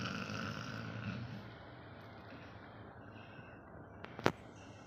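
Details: Labrador dog snoring while asleep: a low, rough, fluttering breath sound lasting about a second, then quiet breathing, with a brief click near the end.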